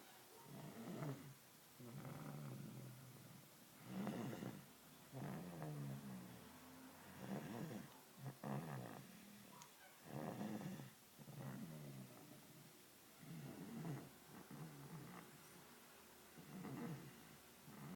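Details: Soft, low rumbling breaths recurring about 19 times a minute, with a faint purring quality, during sleep; snoring.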